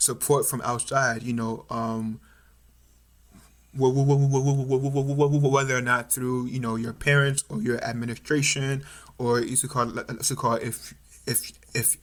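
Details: Stuttering in an adult male third-year medical student, more pronounced since about age 6 or 7, with family history (mother and uncles stutter); now overt, with blocks, facial tension and eye squeezing.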